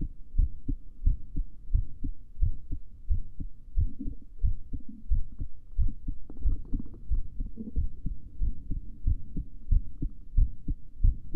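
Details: Normal heartbeat of a female recorded before sleeping: steady and regular at about 90 beats a minute, with soft low thumps and brief rustling midway.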